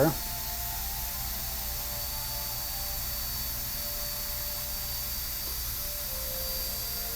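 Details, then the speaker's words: High-speed dental handpiece, rated at about 400,000 rpm, run briefly after lubrication during routine maintenance with gauze held in front; a steady high-pitched drill whine. "now we attach our high-speed we're gonna run this again again make sure you have that gauze in front of there because it's gonna get everywhere"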